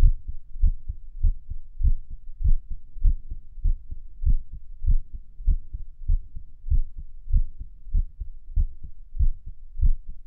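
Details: Own heartbeat recorded at Erb's point while lying on the stomach, listening to old favourites: heart sounds about 95–100 a minute with uneven spacing between some beats, irregular rhythm; faint background hum.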